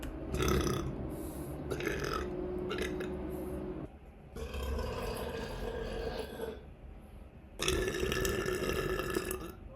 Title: Uncontrollable #burps